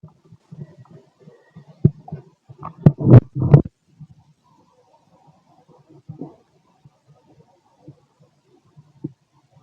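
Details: Adult male abdomen 6 hours after eating: low gurgling and bubbling rumbles with a louder burst, normal digestive bowel sounds (borborygmi).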